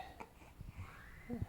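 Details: Baby twin boy with hiccups: short, abrupt low catches, a couple of hiccup-like gulps within a second and a half in a quiet room.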